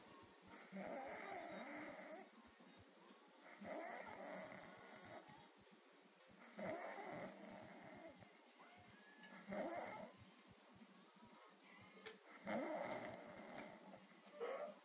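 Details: Slow, rhythmic rasping snores at about 20 breaths a minute from a sleeping male, with his belly hanging out of his shirt, after a late night; snoring.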